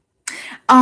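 A single short, sharp cough, then the start of speech.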